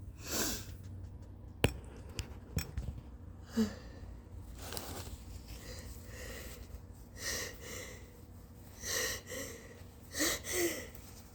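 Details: Early-morning sneezing fit right after waking, in a quiet room: sniffs and several short, sharp nasal bursts, repeated sneezes and snorts, with very snotty nose blows; the person is exhausted by recurring attacks.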